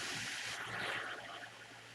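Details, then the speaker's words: Steady rushing airflow as a ResMed AirSense 10 AutoSet CPAP pressurizes the mask during its mask fit test; normal device sound. "by pressing it it will start to pressurize the mask and we'll tell you whether or not you have a good fit by showing you a happy face for a good"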